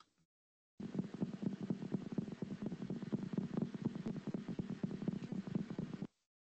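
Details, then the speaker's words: Needle EMG speaker: rapid, regular dull pops with several muscle fibres discharging at once, stable in rhythm; EMG positive sharp waves. "Digamos que eh en inglés le dicen positive sharp waves y es lo mismo, son ondas agudas positivas que podríamos decir que son eh afiladas para decirlo de alguna manera."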